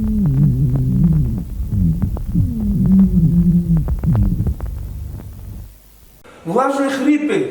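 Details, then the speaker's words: High-pitched whistling dry wheezes, teaching recording over the chest: continuous musical whistling tones with scattered clicks, from narrowed airways. "Теперь будем слышим высокой свистящий сухие хрипы"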